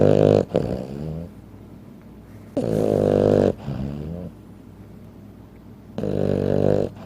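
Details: Sleeping 15-pound Frenchton dog snoring: loud, rough, rumbling snores, three long breaths in about seven seconds, each with a fluttering inhale.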